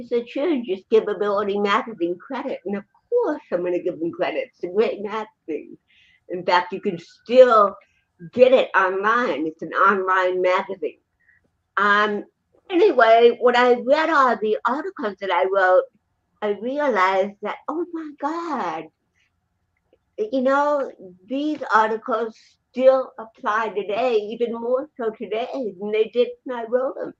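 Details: Real interview speech of an adult woman, an actress and comedian, with cerebral palsy since birth (born 1956); dysarthria (cerebral palsy).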